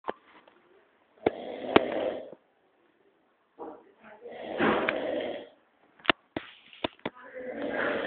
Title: mamão roncando